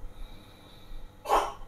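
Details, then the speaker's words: A single short, harsh cough from a cat in the background, against quiet room noise and speech: cat cough. "Kalau ada background suara ini kucing lagi batuk."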